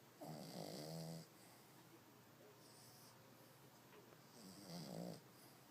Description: He sleeps and snores like a human. lol funny dog.